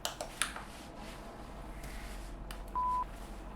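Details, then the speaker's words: Simulated hearing-test tone in a relaxation role-play, not by a medical professional, with the tone played to the left or right ear: a brief steady beep among soft tapping and room noise. "please raise your left hand if you hear it in your left ear, and your right hand if you hear it in your right ear."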